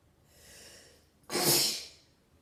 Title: sitting head sneeze